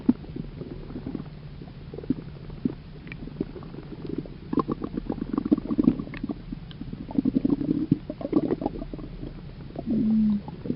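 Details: Low gurgling and bubbling rumbles from a dog's belly: ordinary stomach rumbling (borborygmi) from gut movement.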